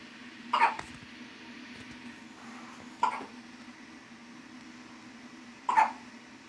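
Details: Three short, abrupt voiced catches about two and a half seconds apart over low room hum; hiccups in someone who got upset after being put down.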